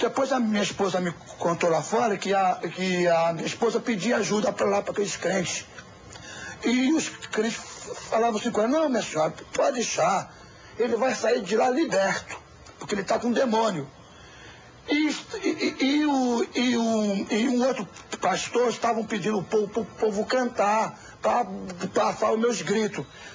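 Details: Adult man who still stutters after seeking a cure at a church; sound and word repetitions; stuttering.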